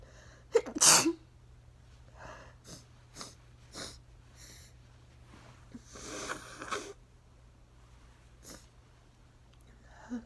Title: Allergy sneeze fit with nose blowing | 14 sneezes